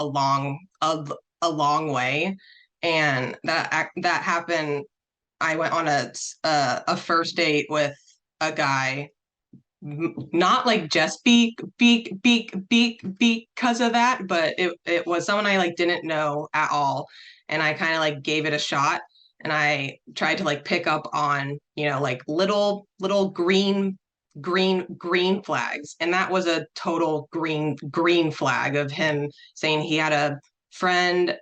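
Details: Person who stutters, speaking as a panelist introducing a session on dating and stuttering; repetitions audible; stuttering.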